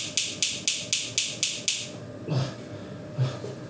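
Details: Shockwave therapy on an adult's painful points at an orthopaedic clinic, about 3,000 shots, intensity lowered for pain: seven sharp snapping pulses at about four per second, then low groans; shockwave device firing.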